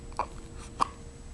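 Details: Two-week-old baby girl with hiccups: two brief, sharp hiccup sounds a little over half a second apart, over faint room noise.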